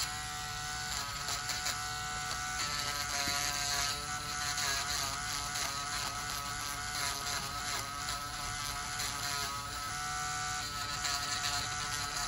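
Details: Male dialysis patient, one year on dialysis, with high blood pressure and thickened fungal toenails: steady whining motor buzz with uneven grinding changes as a podiatric nail drill reduces the nails.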